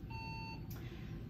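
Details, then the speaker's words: A brief electronic beep over low room rumble as an anesthesia gas machine powers on during its pre-use check, after the low-pressure system check. "all right so now that i've checked the low pressure system i want to turn on the machine"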